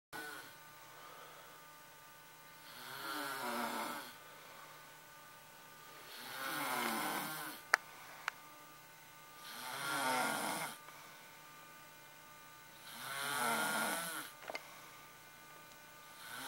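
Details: Several people snoring at once: four airy, fluttering snores at about 17 breaths a minute, with faint clicks in the room; snoring.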